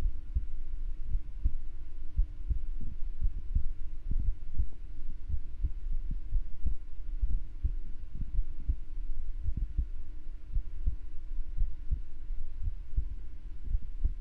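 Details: Streamer's own heartbeat picked up by a microphone during an ASMR stream, with the streamer feeling hot and jumping jacks mentioned: steady low thumping about 80 beats a minute with a faint hum behind; normal heartbeat.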